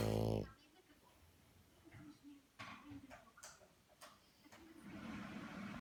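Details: A sleeping female French bulldog snoring: loud, low, rough, rumbling snores with snorting noises in a quiet room.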